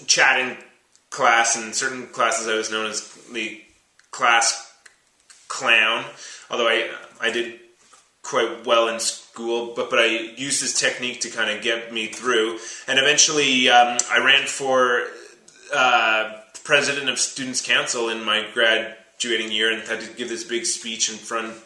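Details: Stuttering in a 32-year-old man who has stuttered since about age three or four, had speech therapy from about age seven, and still stutters as an adult.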